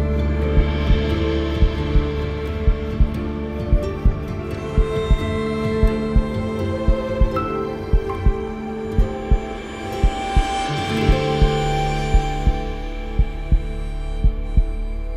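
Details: Produced heartbeat sound effect in an epic music mix: steady low thumps at about 57 a minute over slow, swelling music.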